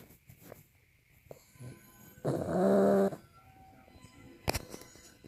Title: Penelope Pug snores are loud